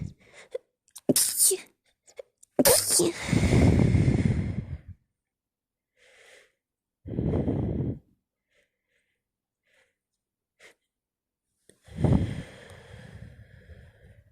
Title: Snotty sneeze fit